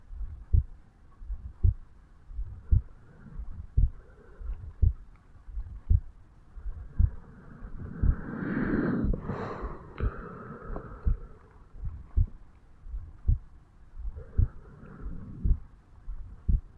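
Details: 35-year-old man's heartbeat recorded over the mitral (bicuspid) valve area on waking in the morning: regular resting heart sounds at about 56 a minute, with a breath or rustle partway through; normal heart sounds.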